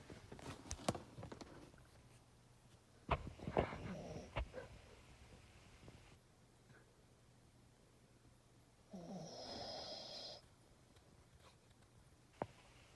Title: Dog snoring sound